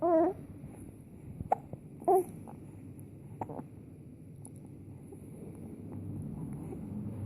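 Short voiced hics with softer clicks between them, irregularly spaced over background hum; consistent with hiccups.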